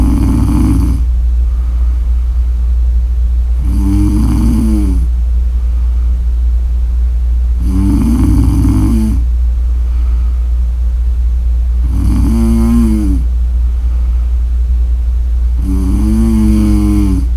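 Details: Snoring: loud, regular snores about every four seconds, roughly 14 a minute, over a steady low hum.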